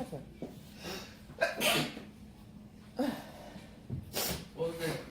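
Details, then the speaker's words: A run of about three forceful sneezes with gasping in-breaths between them, in a small room, right after inhaling red pepper while seasoning rice; sneezing. "Sorry about that. Ooh, all that pepper got me. The pepper got me."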